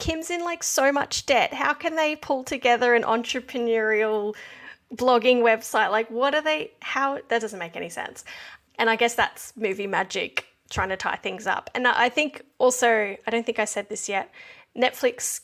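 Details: Adult woman speaking; typical speech.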